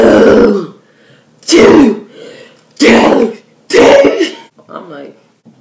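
Four sharp, harsh throat-clearing bursts in quick succession, then a short voiced sound; repeated throat clearing.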